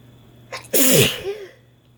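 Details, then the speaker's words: Woman's sneezing, induced by her first use of Chhinkni sneezing powder after extra doses and another added stimulus: a quick in-breath, then one strong, forceful, voiced sneeze that falls away with a short vocal tail. "Guess it's not going to work on its own. I'm going to introduce something else to maybe get myself sneezing here."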